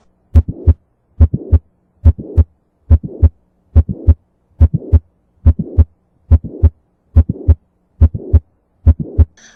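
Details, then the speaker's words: Example of mitral valve prolapse with mitral regurgitation for USMLE teaching: regular heartbeat near 71 a minute with a mid-systolic click and late crescendo systolic murmur. "and so here is an example of a metal valve prolapse associated with metal"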